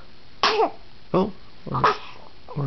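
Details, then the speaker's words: A baby boy's hiccups at 4 am: four short, abrupt voiced bursts about half a second apart, each a sudden catch in the throat. "think my baby boy has hiccups."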